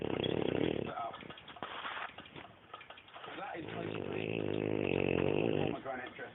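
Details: Neapolitan Mastiff just under 6 months old snoring, described as fairly mild for him: two long, deep, rumbling breaths with a quieter gap, TV cooking show in background; snoring.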